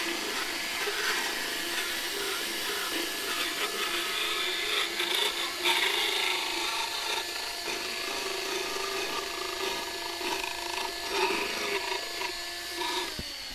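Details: Steady rasping, grinding hum with uneven scraping strokes as a vet power-floats a restrained Arabian mare's teeth, which showed only normal wear points, no missing teeth or wave; routine equine dental float.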